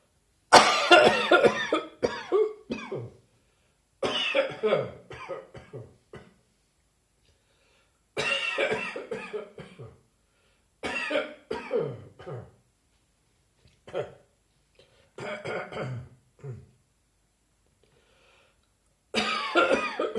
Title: Harsh Dry Coughing Fit